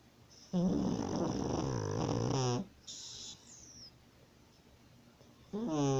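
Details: Two long, loud, rough snoring breaths with a quiet gap between them; snoring.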